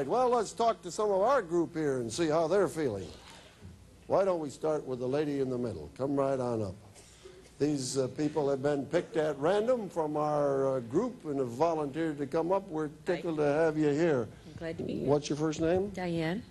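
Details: Adult man speaking, brief woman reply; normal speech.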